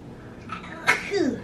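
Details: A woman's single short, soft sneeze in a quiet room, followed by a brief voiced sound; an ordinary sneeze.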